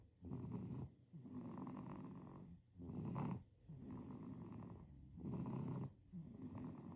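Soft, rhythmic rattling snore with each breath, about 24 breaths a minute, in a sleeping infant: snoring.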